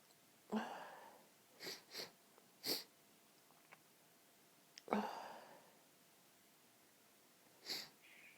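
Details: Six sharp sneezes in about eight seconds, some in quick pairs; one of many rapid, intense sneezing fits the same afternoon.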